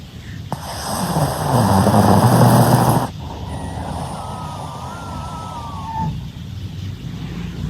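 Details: Sleeping Shih Tzu dog, secretly recorded while snoring: one loud, long rumbling snore, then quieter breathing with a faint high squeak over a steady background hum.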